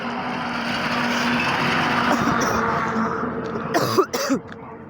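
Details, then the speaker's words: Student's harsh cough, so bad during a Hindi exam he went to drink water twice and ran out of time for questions: a short run of about three harsh coughs over steady traffic-like background noise. "Paper में दो तीन question करने का time ही नहीं रहा कासी की वजह से दो बार तो मैं पानी पीने गया"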